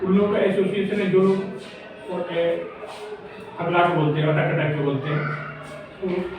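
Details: Male speaker who says he stutters when speaking in front of people: stuttering.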